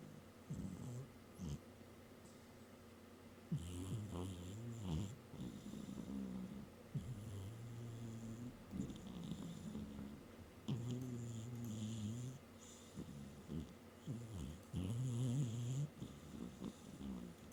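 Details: Snoring in a cat napping on a desk: low rumbling sounds with soft hissy breaths in between, repeating through sleep.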